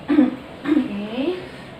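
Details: Nursing-skills demonstration of deep breathing and effective coughing (inhale, hold, breathe out): two short voiced huff-cough bursts, then a breathy exhale, bringing up thick phlegm; acted huff cough technique.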